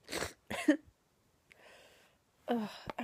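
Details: Adult woman sneezing with an itchy throat: a few short harsh explosive sneezes, each preceded by a catching breath.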